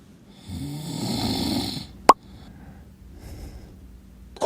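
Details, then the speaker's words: Sleeping adult partner's loud snoring before using anti-snoring mouth tape: one loud, rattling inhaled snore, a sharp click, then a quieter breath over a faint background tone; snoring. "人ってマジ一瞬で眠りに落ちるけど直後から巨大ないびきが始まって他人だったら騒音でクレーム出せるレベルマジでずっと悩んでたんだけどこれで解消できる。"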